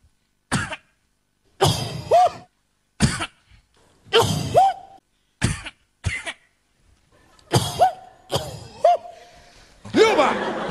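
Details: About nine sharp, staged coughs, some ending in a strained voiced catch, in a quiet room: acted coughing in a comedy sketch, a family member choking on cookie crumbs in bed at night.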